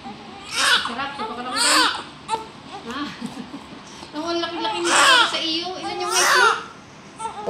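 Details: Repeated high-pitched wailing cries with breaths between, adult voices and room noise behind: a newborn baby girl of about 2.7 kg crying just after vaginal delivery to a small four-foot mother.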